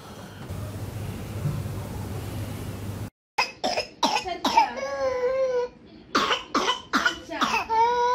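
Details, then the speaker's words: Child with whooping cough, shown possibly after medicine: quick runs of coughs, each ending in a long, high-pitched inspiratory whoop, after room noise. "what sort of cough is this you were asking about the cough this is inspiratory woof right inspiratory woof"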